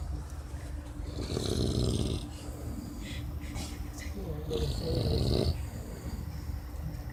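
Two loud, rattling snores with softer breaths between, over steady room hum.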